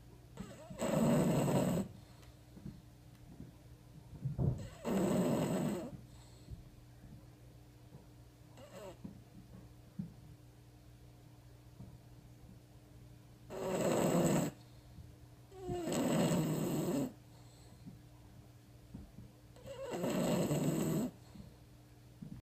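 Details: Sleeping bulldog snoring while a cat investigates; loud, rough snores about one every three to four seconds with quiet pauses between; typical flat-faced dog snoring.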